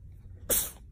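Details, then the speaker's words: Single sharp, hissing sneeze from a female cat during a sneezing fit, one of a run of repeated sneezes; she has had sneezing fits for as long as the owner has had her. "So this is my cat Freddie, and she's had sneezing fits for as long as we've had her."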